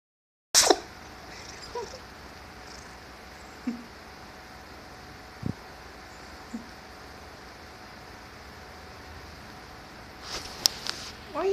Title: Cat making weird noises and sneezing